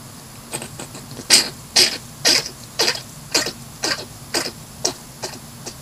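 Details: Hedgehog making a rapid series of about a dozen short, sharp, hissy bursts; owner unsure whether it is coughing or sneezing.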